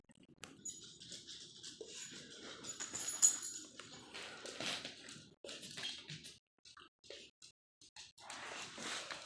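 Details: Dog with repeated harsh, noisy snorting bursts that looked like a reverse sneeze, teeth chattering with each episode.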